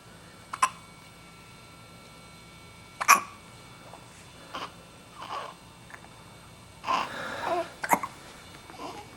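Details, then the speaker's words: Baby girl with hiccups: brief, sharp hiccups several seconds apart, mixed with soft baby noises and said to sound a little like a squeaky toy; ordinary infant hiccups. "Ed has the hiccups is't she cute"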